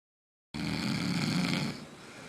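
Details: Adult man sleeping off a night of drinking, snoring loudly: a single loud, deep, rattling snore fading into a softer breath, then someone tells him he's snoring really loud; drunk snoring.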